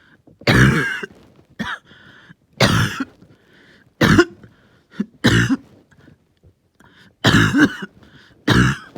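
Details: Seven harsh, forceful coughs in close succession with strained breaths between, in a bad, painful, long-lasting coughing fit.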